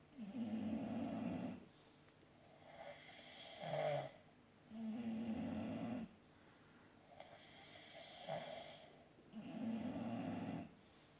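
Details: Snoring, comparing a woman's snoring with a bulldog's.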